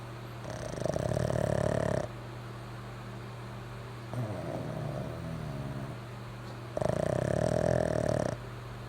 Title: Snoring Pug